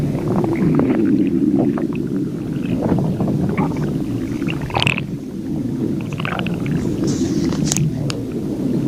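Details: Stomach growling (borborygmi): low, irregular rumbling and gurgling with a few higher squeaks, the ordinary sound of gas and fluid moving through the gut.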